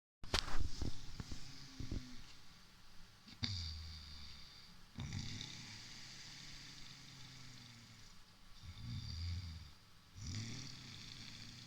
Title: Snoring giant